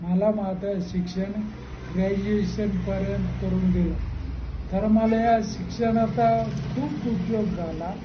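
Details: Ataxic dysarthria in a Marathi-speaking man with cerebellar ataxia for 35 years, onset at age 15.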